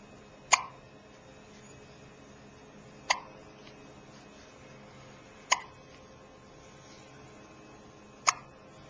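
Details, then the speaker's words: Recorded on a Flip Video camcorder: four sharp, abrupt hiccups about two and a half seconds apart, roughly 25 a minute, with quiet between them; hiccups. "Just got a hiccup."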